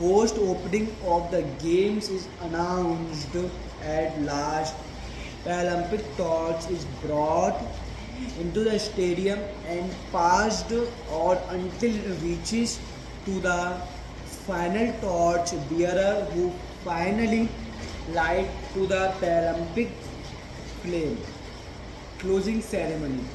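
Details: Man with a stammer reading a passage aloud as his daily stammering practice, with a word repetition here; stuttering.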